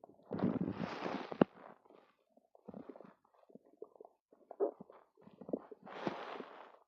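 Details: Stomach rumbling after drinking two cartons of yogurt: gurgling, bubbling rumbles in irregular bursts with quiet gaps, a loud rush at start and end, active bowel sounds (borborygmi).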